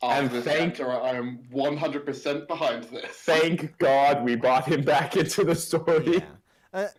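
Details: Adult man; Typical speech.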